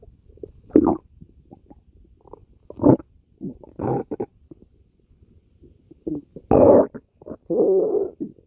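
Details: Stomach growling (borborygmi): irregular gurgling and rumbling bursts from the abdomen as gas and fluid move through the gut.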